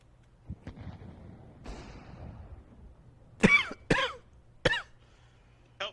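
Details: An adult gives a short run of about four loud, harsh coughs after a stretch of quiet background noise during a live game stream.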